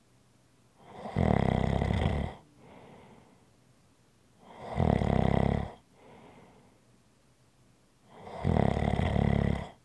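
Loud rumbling snores on each breath in, with softer breaths out between, about every 3.5 seconds: ordinary snoring.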